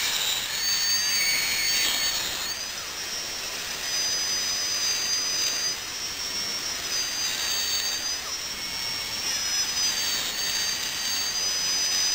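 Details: Dentist's drill sound-effect recording: a steady high-pitched whine that rises and falls in pitch against a hissing background.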